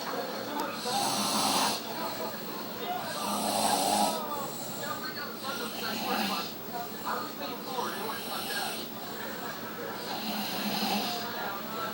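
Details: Loud, rough, rattling snores on each in-breath, about every two to three seconds (roughly 25 a minute); heavy snoring with background music.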